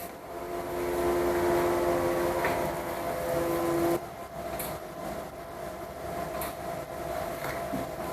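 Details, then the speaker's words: Automatic non-invasive blood pressure cuff on a seated person inflating during a daily anesthesia workstation monitor check (GE 9100c NXT): steady motor hum with rising tone, then quiet room noise with soft clicks. "और BP, इसके बाद हम क्या देखेंगे, BP, NI BP, non invasive blood pressure, वो आपको हम दिखाते हैं कैसे चेक किया जाता है, कितना होता है।"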